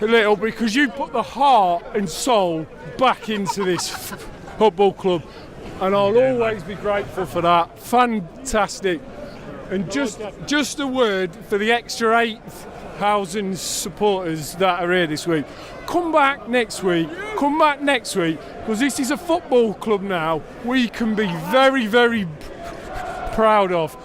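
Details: Male stammerer in spontaneous speech in a post-match football fan-cam, recorded after he lost concentration when shouting started and his speech technique went out the window; he describes lots of blocks and clearly overt stammering; stuttering.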